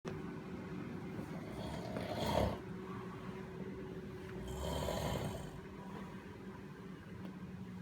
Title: Snoring 11221963